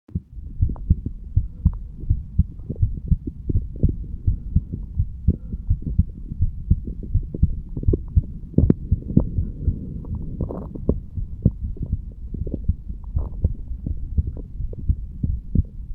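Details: 35-year-old male, standing, stethoscope over the bicuspid (mitral) valve area: steady, low thumping heartbeat at about 80 beats a minute with normal paired heart sounds.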